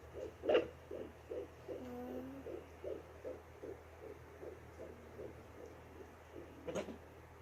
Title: Fetal HeartBeat 15 Weeks || Doppler 3mhz